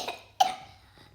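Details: Child with a bad cough gives a single short, sharp cough, with a faint earlier cough-like burst, in a quiet room. Cough.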